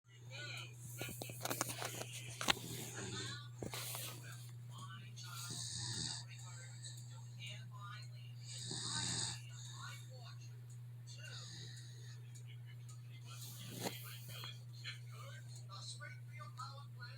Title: dog snoring